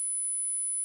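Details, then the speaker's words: Simulated high-frequency tinnitus: a steady, very high-pitched whistling tone over faint hiss, used to illustrate masking with bright sounds. "if I want to to mask tinnitus which is high frequency so I need to use a song that is very bright"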